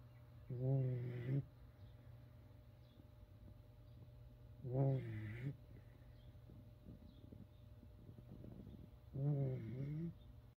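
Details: Snoring in a room: three slow, rough, low-pitched vibrating snores about four seconds apart in a quiet room with a steady background hum.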